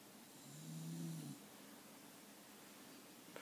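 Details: Snoring after a walk and a Santa visit; a single soft, low snore lasting about a second, then quiet breathing against faint room hiss.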